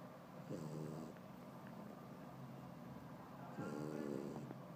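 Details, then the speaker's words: Two loud, fluttering, rattly snores on breathing in from a French Bulldog napping after his first run, separated by quiet exhalation; snoring. "He's snoring so loud. Such a baby."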